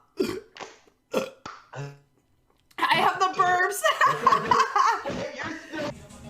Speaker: oh my gosh that was a good that was a nice burp nice bird that was a small one that was pretty good